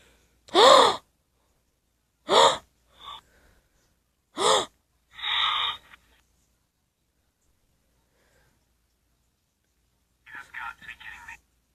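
Three sharp rising gasps with breathy exhales between them, then a faint burst of noise after a pause. Acted pre-sneeze gasping from an animation.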